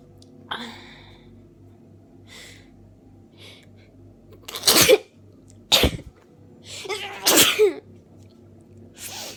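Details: Person with a cold just before Christmas, bundled in bed: a run of sharp, explosive sneezes with sniffs and quick breaths between; sneezing fit.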